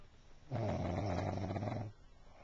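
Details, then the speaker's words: One long, loud, rattling low snore lasting over a second from a woman, asleep and caught snoring on video; snoring. "they don't think you snore, but you're snoring right now. And we're about to get you on video."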